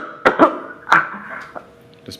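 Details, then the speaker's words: Three sharp coughs in quick succession, then fainter ones, over thin telephone sound, recorded in a phone call during a fire evacuation down a stairwell, with gagging also noted. "pause it right that's coughing we can hear is there anything else we can hear"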